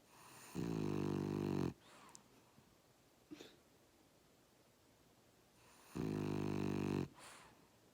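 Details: French Bulldog asleep in a lap, snoring: two loud, buzzy, droning snores, each about a second long, several seconds apart.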